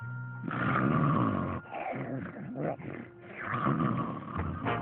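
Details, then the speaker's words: Acted cartoon snoring from Looney Tunes (Daffy Duck): exaggerated growling, rumbling breaths with music. "hey wake up come on you're snoring wake up Daffy wake up all right fine do you need to fight so loudly I'm trying to sleep"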